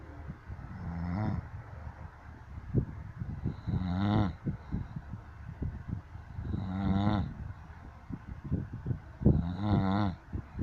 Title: SNORE KING!